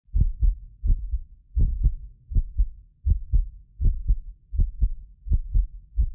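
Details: Heartbeat of a medically fit person, recorded with a precision contact microphone for ASMR: a steady lub-dub at about 80 beats a minute, clear paired thumps with no extra sounds; normal heart rhythm.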